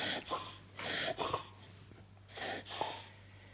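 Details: A beagle has a reverse sneezing episode, with rapid, harsh snorting inhalations through the nose.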